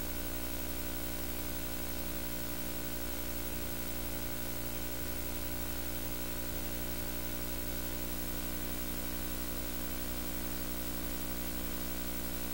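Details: Rapid, regular pulsing under steady machine hum: fetal heartbeat on obstetric ultrasound at 7 weeks of pregnancy, the first time it was heard.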